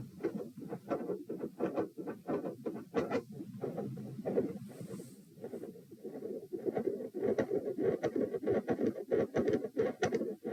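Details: Loud, closely spaced heart sounds, recorded at position p with the patient lying down during manoeuvres to provoke murmurs: split first and second heart sounds with a midsystolic murmur.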